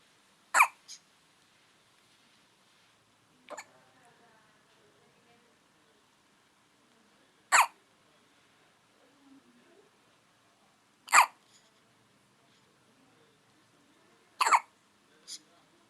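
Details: Baby after finishing a bottle feed: five sharp, brief hiccups about every three to four seconds, some with a small second catch, in a quiet room; infant hiccups.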